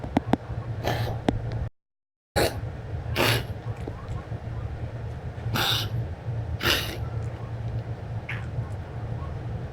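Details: Coughing.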